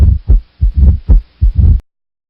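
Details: Mitral stenosis heart murmur: low heart sounds with sharp beats, each followed by a prolonged low rumble.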